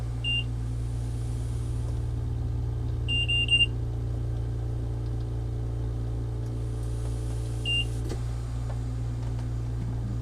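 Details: Home ventilator beeping as it is switched off after a morning breathing treatment: short high electronic beeps, one alone, a quick cluster, another single, over a steady low machine hum.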